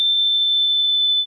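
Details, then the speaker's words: Tinnitus simulation, a sound the patient hears with no external source, constant or intermittent: a steady, high-pitched whistling tone. "o paciente escuta sem ter uma fonte externa que gere esse som e geralmente é um som que ele pode ser constante ou ele pode ser intermitente também e tem vários tipos de zumbido"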